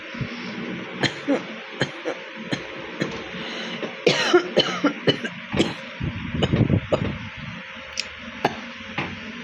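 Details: Real cough from someone with a bad cold: about a dozen short, harsh coughs in quick, irregular runs, with throat clearing.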